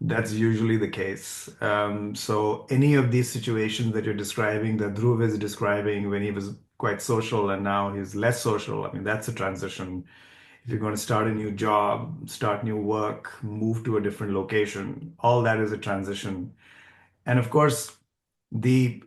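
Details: Adult male speaker; fluent speech.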